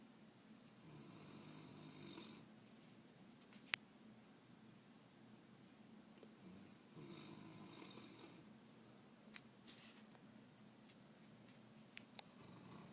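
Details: Saint Bernard puppy snoring while asleep: soft, regular rumbling snores with each slow breath, about every six seconds, over light room noise.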